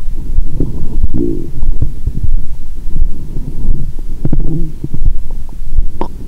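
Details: Active bowel sounds heard through a stethoscope on the abdomen of an adult after a large dinner with wine, taken after a 22-hour fast. Continuous gurgling and rumbling, with a fast heartbeat of about 87 a minute from alcohol underneath.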